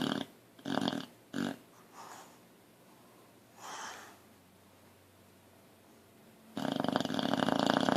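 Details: Short snorting breaths and soft snuffles, then a louder rough snore, from a boxer dog in deep sleep, twitching; snoring.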